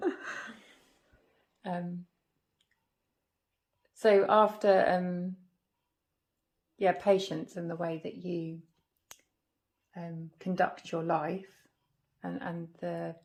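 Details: Woman with aphasia after a stroke at age 46 damaging the brain's language area; halting speech with word-finding pauses; non-fluent aphasia.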